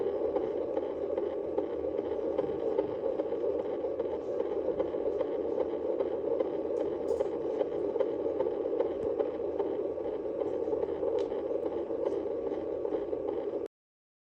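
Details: Fetal heart sounds at 39 weeks of gestation on a fetal Doppler: fast, rhythmic whooshing pulses of about 150 per minute.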